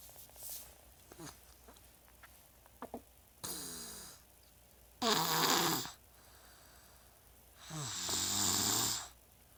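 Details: Paschal snoring and coughing: three loud, rough, fluttering breaths in about ten seconds with softer clicks between them; snoring, possibly mixed with coughing.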